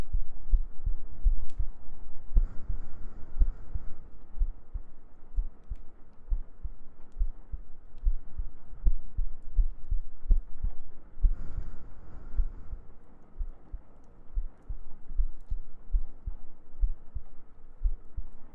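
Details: ASMR sleep-aid heartbeat recording with gentle breathing and humming: soft low thumps repeating steadily under faint hum, an ordinary heartbeat heard close up.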